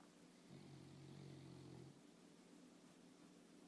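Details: A person snoring: a single low, droning rattle lasting about a second and a half against steady room hum.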